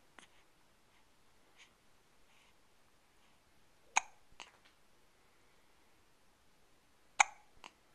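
Sharp, brief hiccup sounds, some in quick pairs, about 19 a minute at an uneven rhythm; quiet background.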